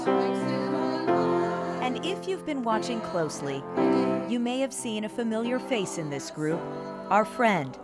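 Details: Adult narrator over choir singing; Plain speech.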